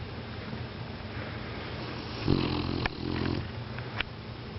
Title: the BIg Snore